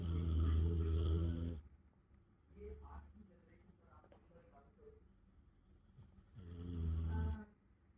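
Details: Sleeping Labrador next to a bed in the morning: two loud, deep rattling snores separated by quieter breathing; heavy snoring.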